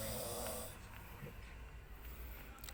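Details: Snoring of a person asleep in a hotel room: a low, rattling snore at the start, then quieter room noise with faint breathing.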